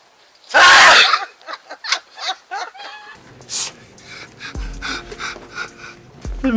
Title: girls sneezing vs boys sneezing